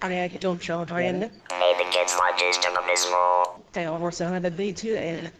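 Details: Electrolarynx speech from a woman who uses an electrolarynx device to communicate in place of her previous natural voice.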